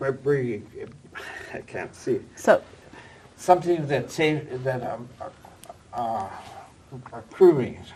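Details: Older man, former dentist, with aphasia acquired after a stroke at age 76, attending an aphasia conversation group; aphasia.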